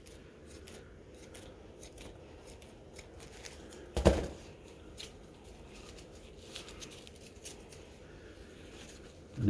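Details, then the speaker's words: Faint snipping and crinkling, then a louder cut or rustle, as scissors trim excess fiberglass on a Muenster arm cast in a quiet room during a casting demonstration. "and then as you come over here to the part that we saved you can actually trim this a little bit you don't need this much"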